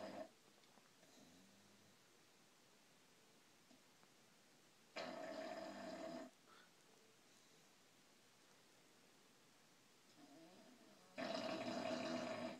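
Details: Bulldog snoring loudly in sleep: two loud, rough, drawn-out snoring breaths about six seconds apart over a quiet room.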